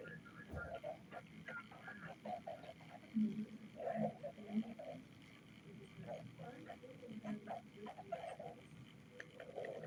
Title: stomach growling